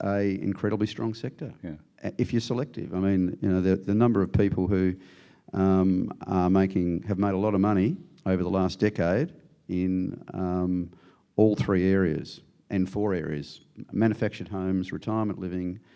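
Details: Adult man speaking; Normal adult male speech.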